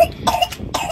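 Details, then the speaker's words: An adult recovering from recent surgery, with a hoarse voice that comes and goes, gives a few short, dry cough bursts without a wet or rattling sound: dry cough. "My voice is in and out. So sometimes I sound good, sometimes I sound like a little hoarse, but I do kind of got like a dry cough."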